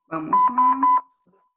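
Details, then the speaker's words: Mechanical ventilator demonstration in a basic ventilation teaching session, set to time-triggered breaths every 3 seconds (20/min): a brief low tone, then three sharp, high electronic beeps; minute-volume alarm. "Vamos a silenciar acá. Y aquí me está activando la alarma de volumen minuto."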